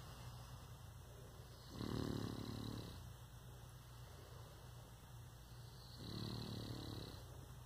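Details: Sleeping Boston Terrier dog snoring: two low, rumbling snores about four seconds apart, each roughly a second long, on inhalation over faint steady background hiss.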